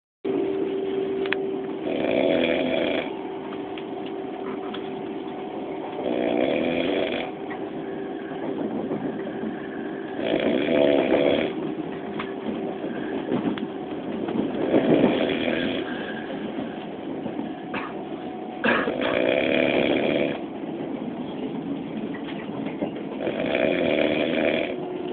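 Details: Man sitting asleep on a commuter train to London: loud, rough snoring in regular bursts about every four seconds over steady train rumble; snoring.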